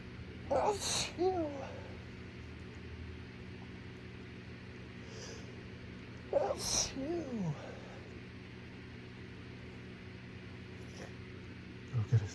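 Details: An adult in a severe allergy attack after a plume of pollen came off a trash lid in the morning: two forceful sneezes, each with a sharp intake and explosive release, against steady room hum; an allergic sneezing fit.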